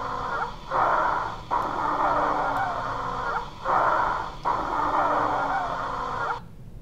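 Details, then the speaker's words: Wheezing, demonstrated in a lecture: clear, high-pitched whistling tones through both breath phases, from turbulent airflow through narrowed or compressed small airways vibrating the airway walls. "so airflow through a narrowed or compressed of a small airways becomes turbulent causing vibration of airway walls this vibration produces the sound of wheezing"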